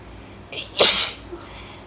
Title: Wet, Congested, Desperate Allergy Sneezes 🤧 (F)